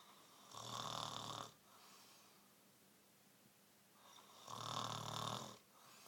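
Two long, harsh rasping breaths in about four seconds with quiet gaps between, typical snoring, roughly 15 breaths a minute.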